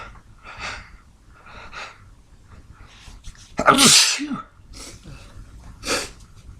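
Several soft sneeze attempts and breaths, then one loud full sneeze and another smaller one; a sneezing fit with stifled sneezes.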